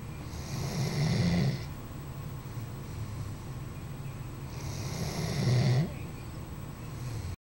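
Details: Snoring in a sleeping Doberman dog: two low, rattling snores on slow breaths in, with quiet breathing between.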